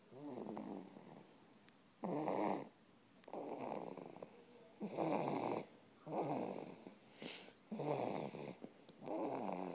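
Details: Rhythmic rattling snores on each breath in, roughly 20 a minute, with quieter breathing between; snoring.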